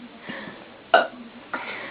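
A loud, short throaty belch with a softer second one after it against low room noise; burping.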